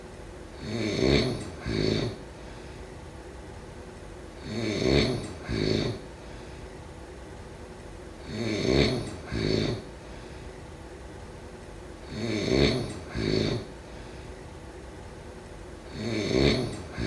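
Regular rattling snores on each breath, about 16 breaths a minute, with a steady hiss of room noise behind.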